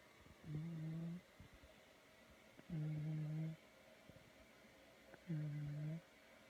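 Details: 11-month-old baby boy faintly snoring asleep in his room: three soft, low, even snores about every two and a half seconds, each under a second.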